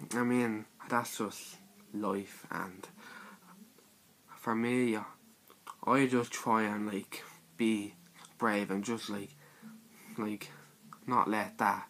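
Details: Male describing his own stutter (stammer), present all his life; this stretch has repeated words and pauses; stuttering.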